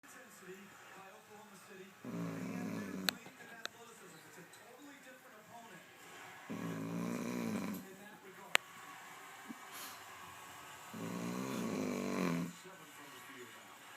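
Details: Adult man asleep: three loud, buzzing snores about every 4.5 seconds, roughly 13 breaths a minute, with low room noise; ordinary loud snoring.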